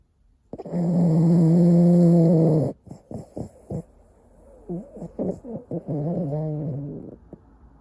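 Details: Boston terrier fast asleep snoring: a long, loud, rumbling snore on one breath, then short snorting sniffs and a softer snore.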